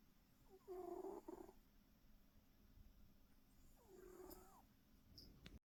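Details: Jessie asleep, two soft, rattling snores a few seconds apart over quiet room noise: ordinary snoring.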